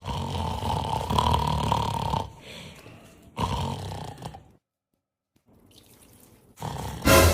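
Loud, rough, rattling snore bursts separated by quieter breathing and a silent pause in a small room; snoring, likely exaggerated for comedy.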